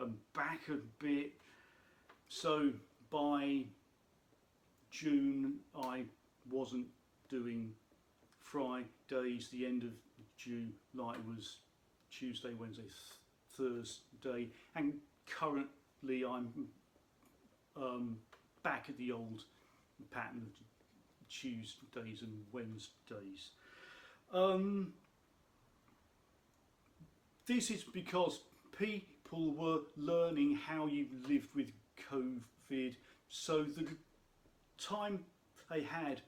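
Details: Adult speaker who states he has a stammer; stuttering (stammer).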